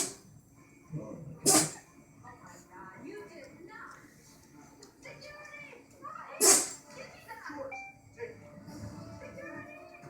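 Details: Two sharp, explosive bursts about five seconds apart against quiet room noise: a short sneezing fit.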